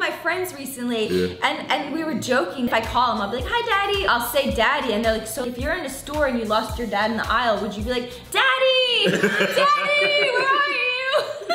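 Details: Adult male speaker; conversational speech.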